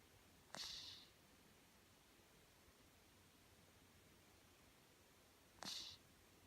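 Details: Cat snoring after eating M&M's: two short, hissy nasal breath noises about five seconds apart, roughly 12 a minute, against quiet room hum.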